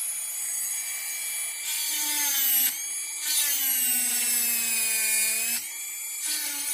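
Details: Dental high-speed drill doing mesial proximal reduction on a typodont mandibular first molar (tooth 36) for a full veneer crown: high-pitched whine dropping in pitch under load, with short pauses.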